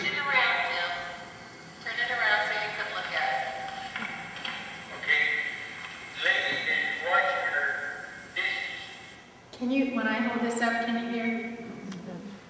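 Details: Adult man with Broca's aphasia and apraxia of speech, milder presentation, describing a picture; telegraphic speech, word-finding difficulties, phonemic paraphasias and apraxic phonetic errors.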